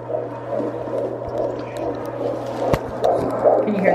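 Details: Fast, rhythmic whooshing fetal heartbeat on Doppler at a 17-week pregnancy appointment, about 140 beats a minute, a normal fetal heart rate.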